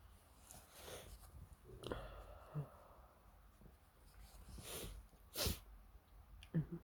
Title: just normal sneezing (supporting link in the description)